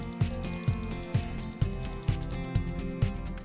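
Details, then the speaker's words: Steady repeating electronic warning beeps, about two a second, with music behind, from an OR Safety clear access spine surgery table as it lowers to the ground, warning staff to keep personnel and equipment clear: equipment warning beep. "you'll note an audible deep as the table is lowered to the ground warning caregivers to keep personnel and equipment clear of the table"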